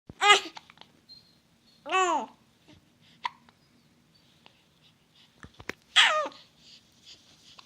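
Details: Baby babbling in short coos, broken by several small, sharp hiccups in a quiet room; hiccups.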